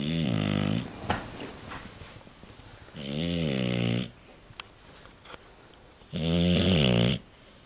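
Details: Sleeping dog snoring: loud, droning, buzzing snores on each breath in, about three over several seconds, with quiet pauses between them.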